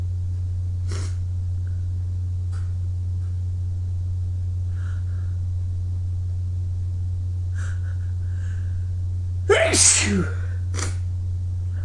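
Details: After early-morning running in cold air, steady low hum with faint sniffs and breaths, then one loud sneeze near the end and a brief sniff; sneezing.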